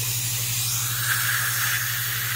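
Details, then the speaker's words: Dental water spray: steady hissing spray over a low electrical hum, rinsing the mouth after hydrogen peroxide cleanup of soft tissue following diode laser troughing. "very quickly cleans things up we'll give this a rinse open a little"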